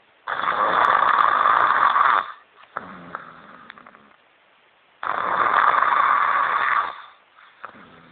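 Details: Adult woman asleep snoring: loud, rough snore on each in-breath, about two seconds each, quieter out-breaths, roughly 13 breaths a minute; snoring.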